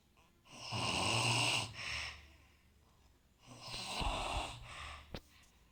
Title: குறட்டை ஒலி Snore Sound